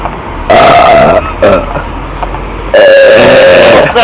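Two long, loud, pitched belches with a short one between them, outdoors with street noise. Burping.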